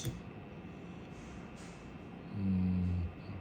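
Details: Lookee A2 blood pressure monitor powered by USB-C after pulldown resistors were soldered onto the CC lines: near the end, a low, steady hum as the pump starts and the cuff begins to inflate.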